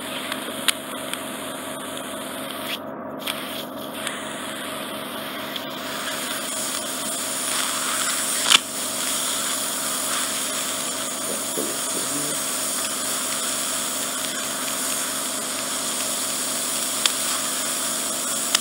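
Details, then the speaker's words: Endoscopic ear wax microsuction of the right ear in an adult man with bilateral reduced hearing, painful right ear, suspected swimmer's ear: steady high-pitched hissing suction with brief pops and clicks, suctioning oil after softening drops. "There we are. So I'm just going to suck some oil out first."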